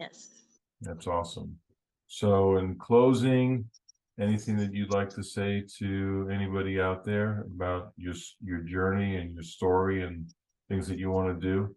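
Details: Adult male speaker; normal speech.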